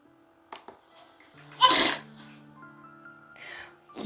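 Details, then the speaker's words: One quick, light, high-pitched newborn sneeze with soft background music, played in a primary-school sound-identification lesson. "Я, дұрыс айтасыңдар. Бұл нәрестенің түшкірген дауысы екен."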